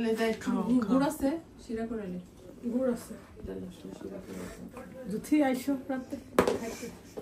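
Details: Adult speaker; normal voice.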